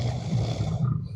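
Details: Someone snoring alongside a regent (Bupati), amid talk and laughter: a loud, low, rattling snore on a single breath; snoring.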